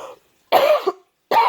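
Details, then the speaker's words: A single loud, harsh cough after brief speech, from an adult with a respiratory infection for about three weeks. Diabetes numbers are high from the illness, with new double vision and a beta blocker taken for rapid heart rate. Cough. "my um diabetes numbers have been pretty high because I've been sick I've had this respiratory infection for about three weeks as well"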